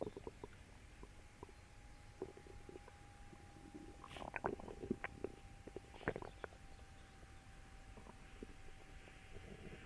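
Gurgling, bubbling stomach rumbles in short bursts with a faint steady hum behind. Loud bowel sounds after eating, a normal finding.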